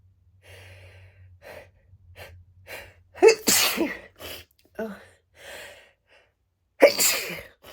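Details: Person whose sneezes felt stuck, inducing them with a clothing tag: quiet catching breaths build up, then two forceful sneezes burst out several seconds apart; sneeze.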